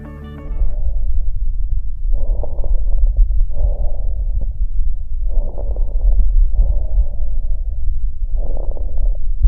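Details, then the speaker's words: Repeated breath sounds with brief, sharp clicking pops scattered through them, heard over the chest wall: crackles, produced when airway segments suddenly open and gas expands explosively. "Se originan al comunicarse bruscamente diferentes segmentos de la vía aérea y así se igualan las presiones y el gas se expande explosivamente, generando las crepitaciones."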